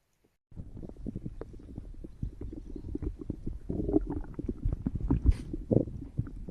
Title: stomach growl